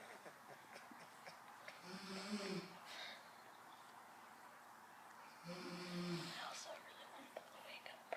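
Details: Two soft, throaty snores about three seconds apart in a quiet room from a sleeping adult woman (the filmer's mother); ordinary sleep snoring.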